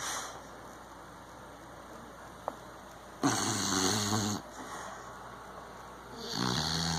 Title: Snoring beagle